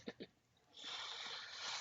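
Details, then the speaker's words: A pug asleep across the room gives two quick snorty sounds, then a long, harsh, airy rush of breath: snoring. "That was Willie snoring. I love that dog. Just so much."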